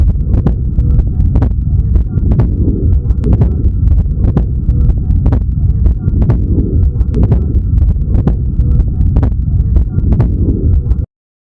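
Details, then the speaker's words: Rapid, regular child heartbeat with wide fixed splitting of the second heart sound (A2–P2) from an atrial septal defect with left-to-right shunt. "We all learned that ASD causes wide fixed splitting of the second heart sound. But why is it fixed?"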